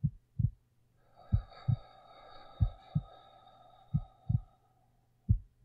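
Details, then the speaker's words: Adult male ASMR heartbeat recording for sleep: soft, regular paired low thumps, lub-dub of a resting heartbeat at about 55 beats a minute, faint background hum; normal heartbeat. "But if you can't sleep, just nuzzle your head into my chest and listen to my heartbeat. It's okay. It's okay."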